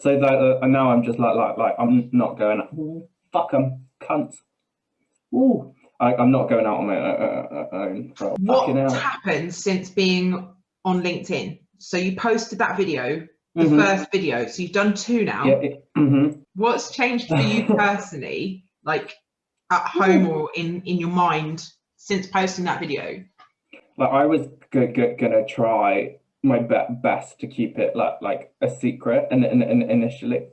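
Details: Adult man with Tourette syndrome: vocal tics with coprolalia, involuntary swearing and blurted phrases mid-sentence; he also reports a stammer that worsens under stress.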